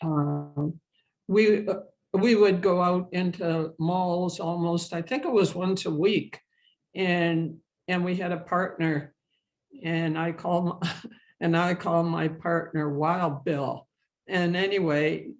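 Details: Adult woman who stutters, with a history of speech therapy and support group attendance; stuttering.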